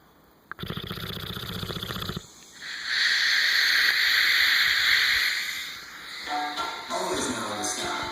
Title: Dog snoring